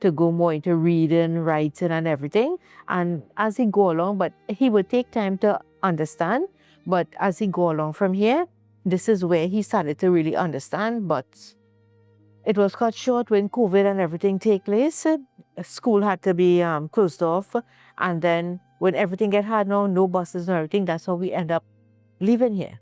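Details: Adult woman speaking; normal speech.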